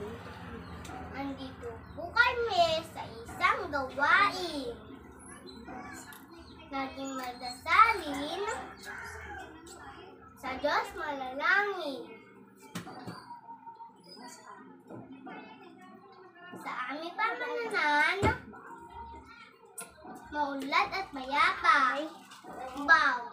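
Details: Young girl reciting a school poem while mispronouncing sounds: articulation disorder (speech sound errors).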